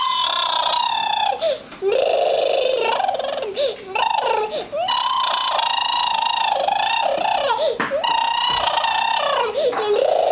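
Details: Child crying: loud, continuous, wavering high-pitched wails with brief gasping breaks between bursts.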